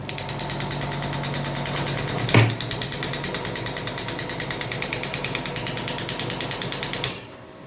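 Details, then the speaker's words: Pneumatic extracorporeal shockwave therapy device (0.5–12 bar), whose probe contains a bullet that travels and strikes the surface, firing: rapid, steady mechanical knocking of repeated shots, with one louder strike partway through. "ये जो device है, इसमें जो probe है उसके अंदर already एक bullet है, जो बुलेट यहाँ से यहाँ ट्रेवल करती है, सरफेस पे हिट करती है, टंगस्टन"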